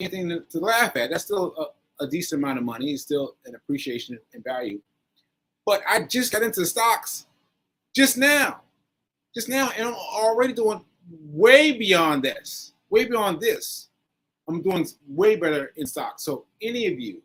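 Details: Post-stroke aphasia in a male, stroke on 7/14/22, recorded about a year later during ongoing recovery; word-finding difficulty with fillers and restarts.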